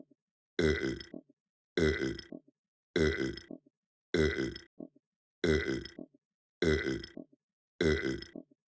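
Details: Simulated burping, a performed imitation for a puppet: seven loud, evenly spaced, rough voiced belches, about 51 a minute.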